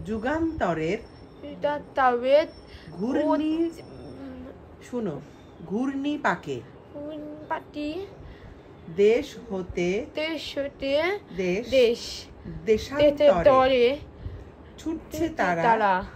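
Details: 13-year-old boy with hearing loss, using a cochlear implant for 7 years, speaking Bengali with his mother; finding: speech of a child with a cochlear implant (hearing loss).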